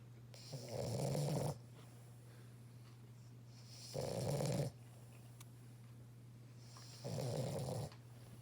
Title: Our puppy snores soooooo loud like OMG LOL